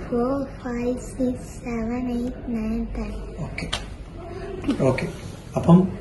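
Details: Girl counting aloud, cleft palate repaired about six years earlier followed by speech therapy; normal speech after cleft palate repair.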